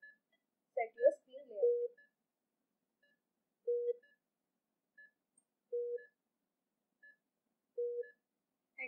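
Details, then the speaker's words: Repeating electronic alarm tones about every two seconds, with faint higher beeps between, from a Philips IntelliVue MX430 patient monitor running in demo mode; patient monitor alarm. "this is the alarm sound you can set the volume of your alarm from here"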